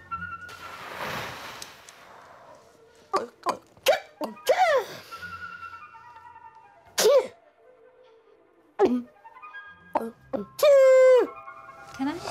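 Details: Boy with severe Tourette syndrome during a timed habit-reversal tic-suppression session with breathing exercises: sudden short sniff-like and grunting bursts plus a brief high squeal, vocal tics.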